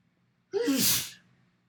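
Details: One sharp, forceful, real sneeze recorded in front of a mirror: a quick intake of breath, then an explosive burst of air in a quiet room; an ordinary sneeze.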